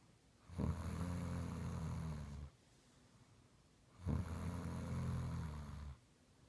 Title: Snoring I